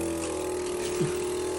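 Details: Suction machine running during nasal suctioning of an adult man who cannot blow his nose, as part of a teeth-cleaning and suctioning routine: steady motor drone with a constant humming tone and a brief slurp partway through.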